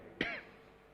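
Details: A single short cough or throat clear from the mayor of Solo while he reads a budget explanatory note aloud at a city council plenary session, with faint room noise.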